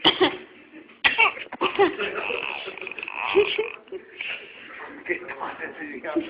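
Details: A child coughs, a few short, sharp coughs mixed with voiced, throaty sounds, in a small room with music playing.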